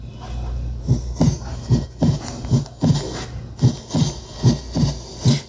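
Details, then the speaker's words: Simulated normal heart sounds from an auscultation practice app: regular paired low thumps at about 70 a minute with clean first and second sounds. "y como pueden ver en la sección de corazón nosotros podemos escuchar los sonidos normales del corazón"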